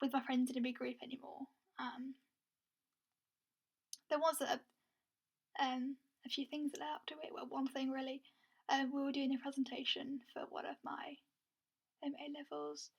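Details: Adult woman stammering since early childhood, with sound prolongations, letter repetitions and long effort on certain words, varying moment to moment and worse with nerves or stress; stuttering (stammer).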